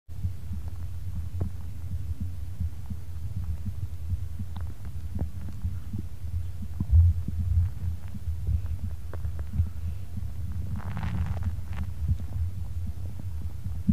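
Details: Recording of the speaker's own heartbeat and stomach: a muffled, steady low thumping under a constant low hum, with faint bowel gurgles; heartbeat.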